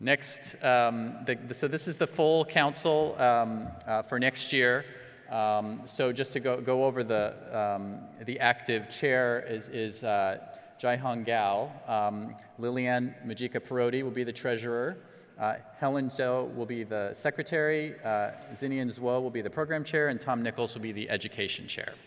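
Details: Adult man; ordinary speech.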